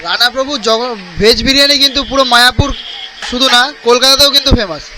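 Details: Adult speaker, Bengali; Normal speech.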